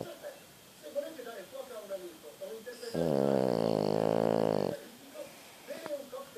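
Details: A French Bulldog gives soft snuffling breaths, then a loud, buzzing, rattling snore lasting about two seconds, then quieter snuffles again; dog snoring.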